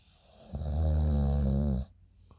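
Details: Person snoring in the morning, recorded by a friend: one loud, deep, buzzing snore lasting over a second, then quiet.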